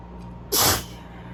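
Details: Person with arms above and behind the head during an allergy sneezing fit: one sudden, loud, hissing burst of air; a single sneeze.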